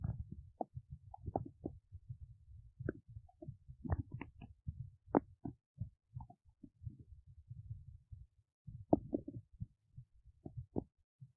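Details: Belly while digesting oats: frequent soft gurgles, pops and brief squeaks. Ordinary active bowel sounds.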